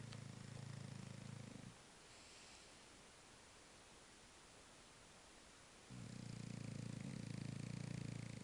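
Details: French bulldog asleep, soft, low, fluttering snores on two breaths with a quiet pause between against steady background hiss; dog snoring.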